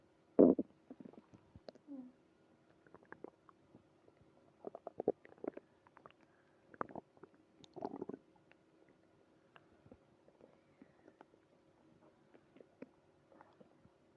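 Irregular gurgling and rumbling bursts from the belly, typical stomach growling from gas and fluid moving through the gut.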